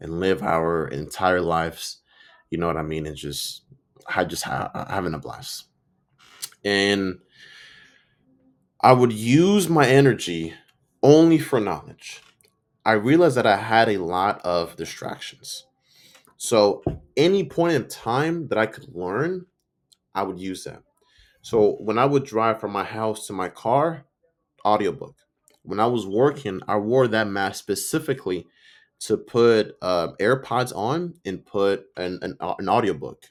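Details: Stuttering in an adult man who reports that he stutters and sometimes mispronounces words; his own spontaneous speech, with audible sound and word repetitions.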